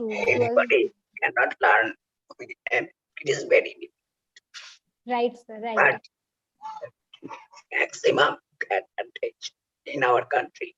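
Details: Real adult male whose larynx was removed for cancer (total laryngectomy), now speaking with oesophageal speech learned by the injection method of taking air into the oesophagus; finding: oesophageal speech after total laryngectomy.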